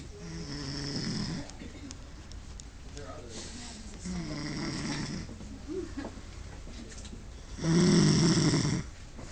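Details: Man snoring while asleep after an on-call shift: irregular snoring breaths ending in one loud, harsh snore, with faint room noise.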